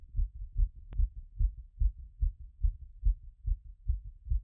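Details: Self-recorded post-workout heart auscultation after the heart rate had peaked around 180: a steady, fast, regular heartbeat with clear low thuds and a clean rhythm; normal heart sounds after exercise.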